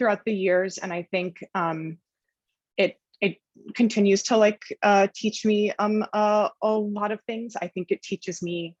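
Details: Adult woman journalist who stutters, speaking with frequent fillers and blocks; stuttering.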